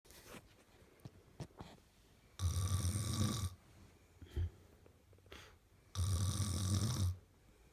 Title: Beautiful girl's snore